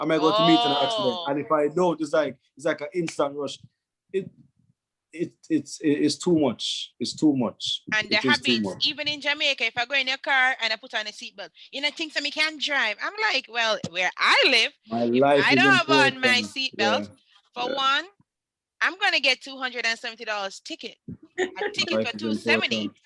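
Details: Foreign accent syndrome in an adult Jamaican woman after head injury and stroke from a 2019 car accident; accent shifted from American to Trinidadian to British, which has persisted.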